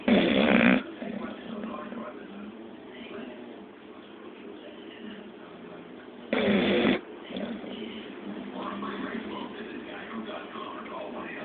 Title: English bulldog rock snoring